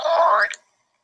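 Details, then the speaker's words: Adult's stomach recorded by phone held near the abdomen, a weird noise recurring every 10–15 seconds for years: a brief gurgling, rising squeak lasting about half a second; borborygmi (bowel sound). "And it makes that same sound over and over and over again. And like I said, it took me years to figure out what the heck that was until, I started being aware of all these things that I'm teaching you right now."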